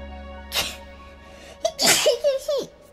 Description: kept sneezing during her singing stream which leads to super chat rain.